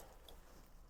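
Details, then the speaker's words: An adult man with cerebral palsy and hydrocephalus coughs during a podcast interview. "I was about to say that just going to be coughing and spewing guts."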